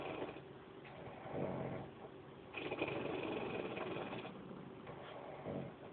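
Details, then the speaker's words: Mother snoring heavily while asleep: loud, rattling, engine-like fluttering buzz rising and falling in long bursts over a noisy background. "mam mam roll on your side or good lord roll over on your side you sound like a speedbat"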